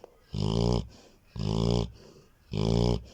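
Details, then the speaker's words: Female golden retriever snoring, said to snore like a steam engine or tractor: three loud, rattling snores in quick succession, each followed by a softer breath out; heavy snoring. "девочка ты храпишь как паровоз или трактор"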